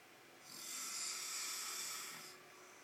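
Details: Husband snoring during sleep, a recurring problem: a single long, hissing, rasping breath through the airway.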